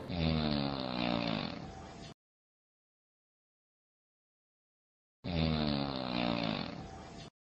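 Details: Two loud, low, rattling snores, each about two seconds long, separated by a few seconds of silence, in an explainer on snoring and obstructive sleep apnea: loud snoring.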